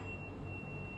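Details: Vibrating tuning fork (Weber test).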